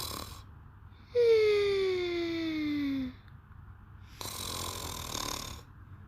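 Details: Sleeper snoring very cutely, a high, falling whistle on one breath, then a softer rasping breath; whistling, squeaky snore.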